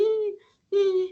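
Two harsh, steady, musical crowing sounds on breathing in, each lasting about half a second: inspiratory stridor from a narrowed upper airway.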